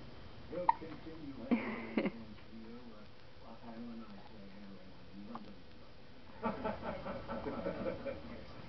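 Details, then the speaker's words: Baby with short, sharp little hiccup sounds between soft adult talk; infant hiccups. "Somebody having the hiccups. What you doing? What you doing with them hiccups?"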